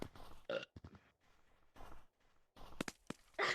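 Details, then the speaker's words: Player burping deliberately during an online Gorilla Tag game: several short, low guttural belches between pauses, with game noise in the background. "I can do it on command hold on wait I'm going to show you a real burp"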